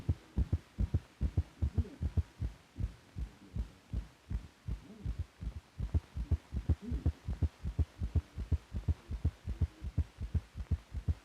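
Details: Heart sounds from an old (possibly 1950s) teaching film for doctors correlating heart motion with sound.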